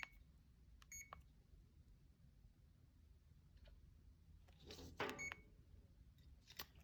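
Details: Scattered short electronic beeps from a CADD infusion pump keypad while modifying the PCA four-hour dose limit; some handling noise in a quiet room.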